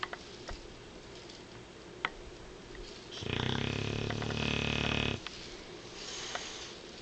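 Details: Sleeping male Bulldog snoring: one loud, rough, fluttering snore lasting about two seconds over quiet snuffly breathing.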